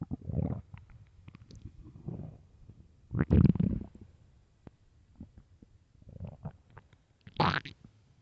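Loud, deep rumbling growls in several bursts with gurgling between them; ordinary stomach growling from an empty stomach.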